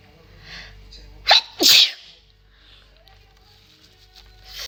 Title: pretty woman induce uncovered sneeze🥺 pt2